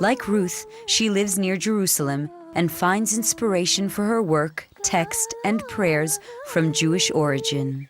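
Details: Adult female narrator; normal fluent speech.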